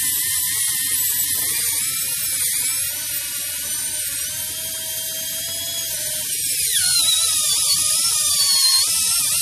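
Continuous high-pitched whine of an air-driven dental handpiece, pitch shifting slightly as speed changes.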